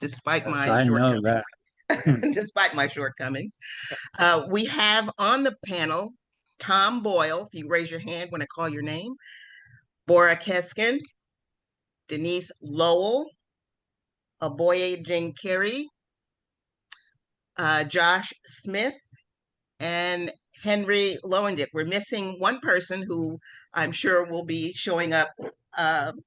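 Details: Adult woman; normal speech.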